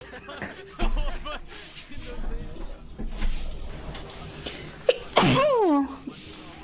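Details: Woman sneezes while talking: one loud sneeze trailing into a voiced cry, faint music behind; an ordinary sneeze.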